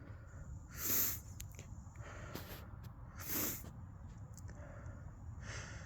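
Two forceful, noisy bursts of air about two seconds apart over low background rumble, fitting two wet sneezes.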